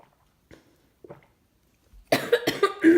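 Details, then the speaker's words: Patient with cystic fibrosis taking a deep breath of inhaled antibiotic powder from a capsule: a few quiet breathing sounds, then a run of about five short, harsh coughs triggered by the powder. "Definitely makes me cough, and sometimes I can't hold the breath in too long."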